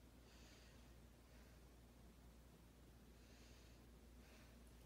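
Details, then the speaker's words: Student nurse's stethoscope auscultation of a healthy patient's anterior chest during deep breaths: soft, quiet breath sounds with no added sounds; normal breath sounds. "everything sounds great all righty"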